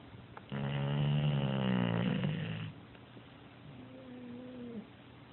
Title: snoring...